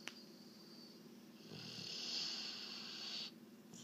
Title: Do Weimaraners snore?